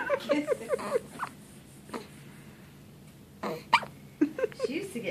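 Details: Infant girl with hiccups while lying down: short, sharp, squeaky catches of breath recurring in clusters between quiet pauses.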